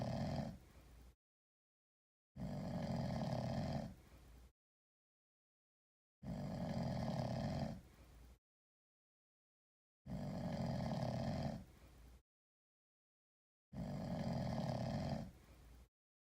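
Regular, deep, rumbling snores, one about every four seconds, each ending in a softer tail, with silence between: a sleeping cat snoring like a person.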